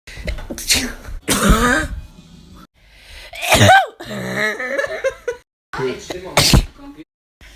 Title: hella funny sneezing compilation